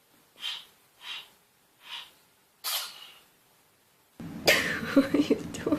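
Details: Animal sneezing, possibly a dog: four short, sharp sneezes in quick succession, followed by a sudden loud burst of unrelated noise.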